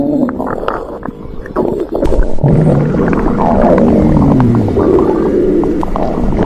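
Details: Stomach growling (borborygmi), described as louder: gurgling and rumbling of gas and fluid moving through the gut.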